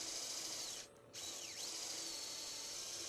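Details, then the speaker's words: Powered step reamer run over a centering shaft to start a tibial screw hole during arthroscopic-assisted medial compartment knee resurfacing on a specimen: a high, steady whine of bone cutting with a brief pause. "and then what we're going to do is we're going to tap it so that this is just a step reamer it comes down over top of the centering shaft and it also has a window in it down here that tells you the depth that it needs to go"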